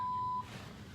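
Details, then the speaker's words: IV infusion pump alarm in a postpartum hospital room after an emergency c-section: a single steady electronic tone, with the pump reporting air in the line despite a full IV bag. "know why it's beeping it says there's air in the line there's a full bag of IV my nurse is supposed to be coming in here"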